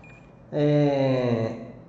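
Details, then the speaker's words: One steady, buzzy electronic beep of about one second from a nerve stimulator during a teaching demonstration of a brachial plexus block; a twitch with each beep means the needle is near the nerve. "se ele tá dando um choquezinho junto com o bip é porque você está próximo ao nervo Se você tiver muito longe do nervo ele não responde"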